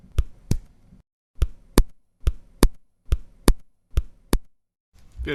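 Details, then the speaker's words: Simulated heartbeat, about 71 a minute, second sound over the pulmonary artery louder than over the aorta: accentuated pulmonary second heart sound (loud P2). "усиление второго тона над легочной артерии акцент второго тонна легочной артерии может использоваться еще такой термин это значит второй тон от легочной артерии звучит громче чем второй тон над аортой"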